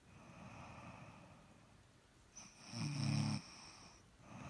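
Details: Very loud snoring from a sleeping person.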